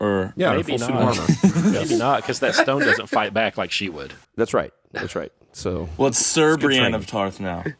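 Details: Adult speakers in conversation; ordinary speech.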